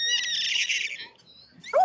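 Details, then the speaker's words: Newborn puppy during an overnight emergency birth, resuscitated by the vet team and now breathing: a high, thin squealing cry, its first sound after resuscitation. "and it seems the team effort is finally getting results four five six breathing poppy hey good job well done and then at last the sound they've all been waiting to hear"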